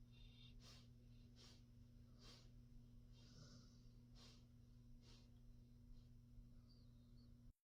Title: Basset Hound Sleeping 😴 #sleep #snore #dog